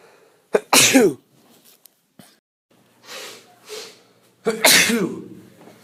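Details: Two forceful sneezes, each a quick in-breath then an explosive burst of air, separated by a few seconds of quieter breathing.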